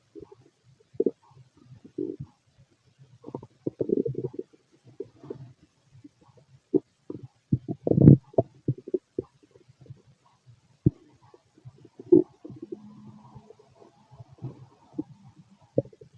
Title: Fit male stomach noise